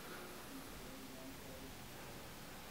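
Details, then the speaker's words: Simulated standardized-patient exam with a SimScope hybrid simulator: adult male with asthma and breathlessness on stairs; heart normal. Faint musical whistling wheeze over hissy background on deep breath indicates airway obstruction from asthma flare. "you're definitely having some obstruction in the lungs yep your asthma is definitely acting up"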